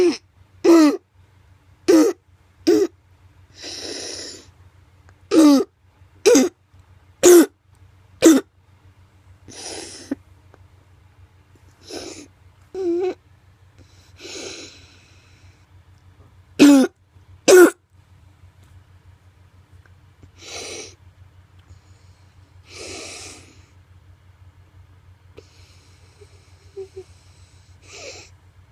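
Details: Child's harsh barking coughs in clusters with noisy breaths between, from upper airway infection with swelling around the larynx, trachea and bronchi: croup.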